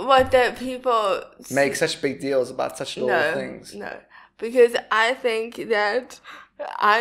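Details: Adult woman speaking; typical speech.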